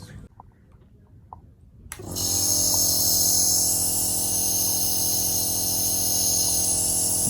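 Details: Believia NB03 compressor nebulizer switched on: a quiet room, then a loud, steady buzzing motor hum starts and keeps running.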